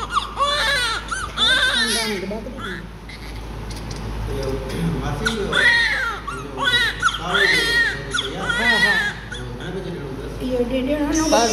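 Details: Newborn baby girl crying soon after an evening birth, during the cleaning process: strong, repeated, high-pitched vigorous cries with short breaths between, over background voices.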